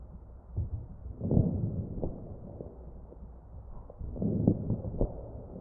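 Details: Crackles heard over the chest of a mechanically ventilated patient.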